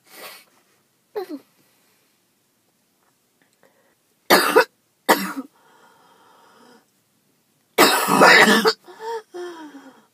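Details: Person who skipped breathing treatments too many times in a row: about seven harsh, explosive coughs in uneven bursts with throaty, gagging, choking tails; they had hoped it was just allergies and say their chest hurts.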